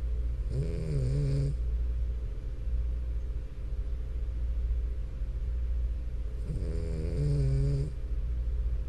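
Two long, low, buzzing snores from a sleeping flat-faced dog, about eight a minute, over steady room hum.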